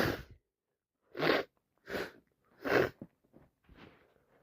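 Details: Several forceful sneezes in quick succession, then softer sniffs and breaths, from a person very sick with a bad head cold, also blowing nose; repeated sneezing.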